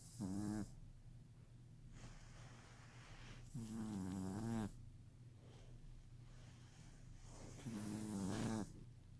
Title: Gracie snoring. 11 weeks old 1/9/19